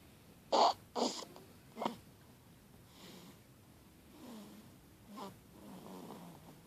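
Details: Baby snoring: short snorts then soft, faint rattly breaths in a quiet room.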